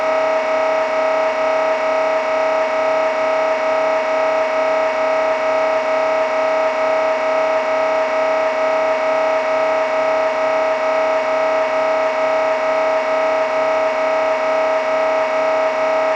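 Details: Sample MRI scanner noise for preparing patients, especially children, for a scan: loud, steady, rapid mechanical buzzing and knocking pulses, about 130 a minute, from a running sequence.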